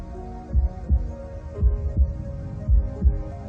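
Paired low thumps repeating about 56 times a minute over soft music: an ordinary heartbeat rhythm.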